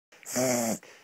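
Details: Dog reverse sneezing, attributed to stick eating and pulling on the lead: a single loud, honking, snorting inward breath; the dog later recovered.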